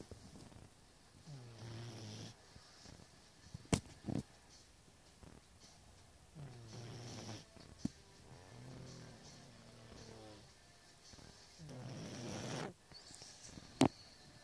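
Low, buzzing snores every few seconds with softer breaths in between and a few sharp clicks: snoring during sleep.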